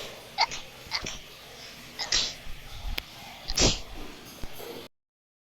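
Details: Girl sneezing rapidly: about four sharp, hissing sneezes over five seconds with small noises between them.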